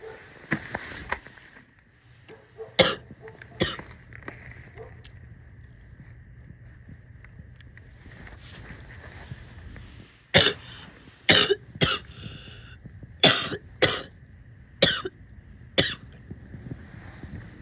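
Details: Female coughing and spitting: several sharp, harsh coughs in bursts with throat clearing and a spitting sound; productive-sounding cough.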